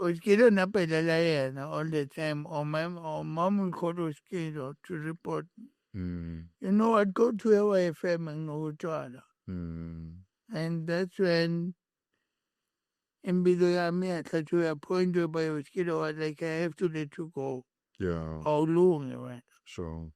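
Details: Adult male born with cerebral palsy, with a head injury from a car accident in June 2000 that affected his speech, walking and left-ear hearing; dysarthric speech.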